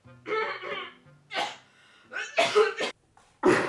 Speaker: But one thing that even the greatest fortune teller couldn't predict is my sister's cough.